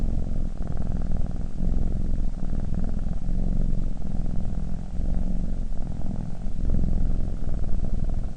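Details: A sleeping cat snoring: a steady, low, fluttering rumble with slight rises and falls, close in sound to a purr.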